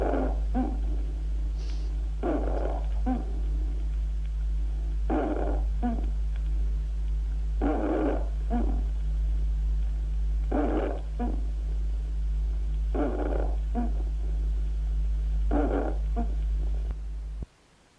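Low, coarse, snore-like rumbling with each breath, about 24 breaths a minute, over a steady background hum: rhonchi.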